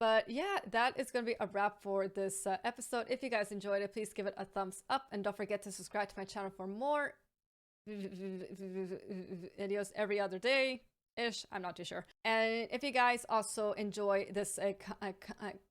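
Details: Stuttering (stammer) in an adult woman who says her stammer still holds her back to some extent.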